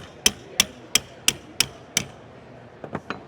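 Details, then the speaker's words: Six sharp metallic taps about a third of a second apart, then softer knocks, as a 3.5 mm by about 13 mm medial anchor of a SINEFIX PEEK rotator cuff implant is hammered in perpendicular to bone in a demonstration; surgical hammering of bone anchor. "It's a 3.5 mm with a length of approximately 13 mm. So, we start hammering in."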